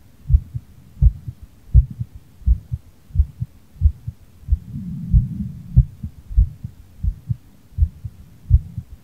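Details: Heartbeat after playing bowling on Nintendo Switch Sports: steady, regular rhythm at about 83 beats per minute after light physical activity.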